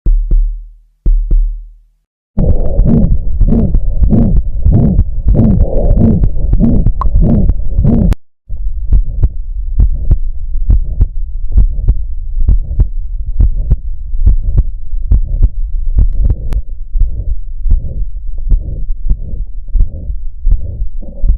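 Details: Systolic heart murmur recorded with the Stethophone app: a rapid regular heartbeat with whooshing filling the gap after each first heart sound. Systolic murmurs mark a range of cardiac pathologies.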